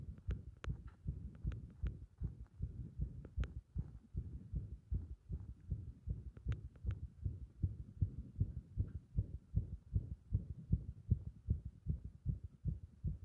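Muffled, rapid heart thumps with uneven spacing and some closely bunched beats, fitting an irregular heart rhythm.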